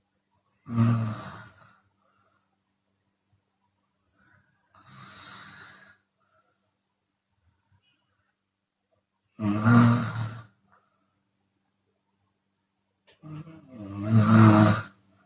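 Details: Chinese woman snoring with open mouth, sometimes on the exhale: four loud, harsh snores about every four seconds, roughly 15 a minute, with silence between; open-mouth snoring.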